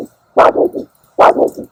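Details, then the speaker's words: Triphasic arterial waveform on spectral Doppler ultrasound, heard as audio in a teaching example; a normal pattern, used to tell triphasic from biphasic or monophasic flow when assessing arterial stenosis or peripheral arterial disease. "And lastly, hopefully you can predict what this one's going to sound like. This is our triphasic waveform."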